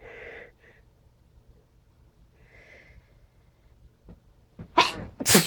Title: couple sneezes